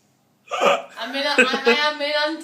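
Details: Woman with hiccups after drinks and a night out, trying to order takeaway: sudden sharp catches interrupting her speech and laughter.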